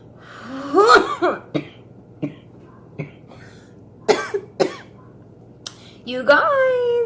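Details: A young woman gives about seven short, sharp coughs in bursts, with voiced throat sounds between them; repeated coughing.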